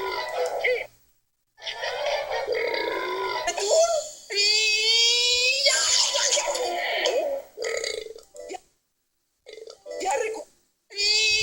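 Several loud, drawn-out voiced belches of varying pitch, separated by pauses; repeated burping.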